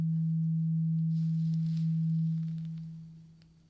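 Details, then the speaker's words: Steady low tone that holds then fades, a tuning fork sounded during a simulated ASMR roleplay ear exam and hearing test; the listener is asked to say when the sound stops. "And I have a tuning fork here. I want you to tell me if you can hear the sound. Okay, can you hear that sound? Okay, can you tell me when you hear the sound stop?"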